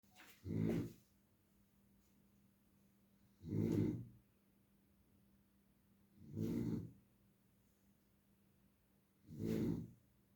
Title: Snoring long Dance Video 🙂